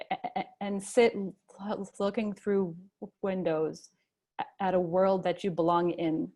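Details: Adult male who stutters and chooses to stutter openly; real stuttering.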